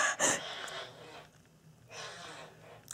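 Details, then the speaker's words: Respiratory tics in Tourette syndrome during an intense all-night tic episode with chest pain, about half an hour after medication: a sudden sharp gasp followed by heavy, effortful breaths while trying to slow breathing. "up up up up up up up up up up up up update update I can't stop it's been all night and my chest hurts"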